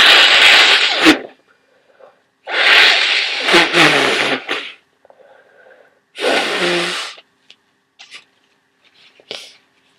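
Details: Three loud, explosive sneezes with sharp inhaled build-ups during a cold, followed by sniffing.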